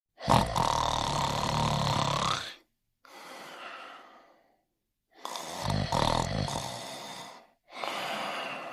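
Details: Dog sleeping in his bed, snoring: loud, rough, rumbling breaths, each followed by a softer hissing breath, about 15 breaths a minute.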